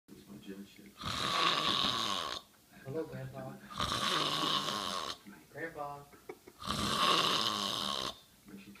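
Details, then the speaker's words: Snoring in a sleeping male: loud, harsh rattling snores on each in-breath, about three in eight seconds, with softer breath sounds between them. "It sounds like someone's trying to kill a pig."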